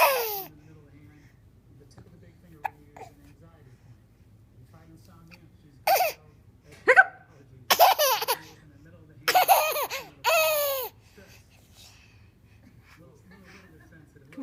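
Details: Hiccups in a 6-month-old baby girl: short, sharp hiccup sounds mixed with squealing laughter and babbling; ordinary infant hiccups.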